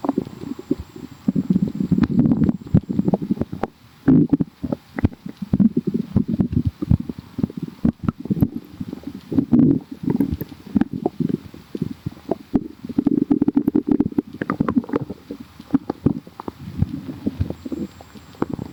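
Low bubbly gurgles and rumbles with crackly pops, steady throughout; ordinary stomach growling from gas and fluid moving through the gut.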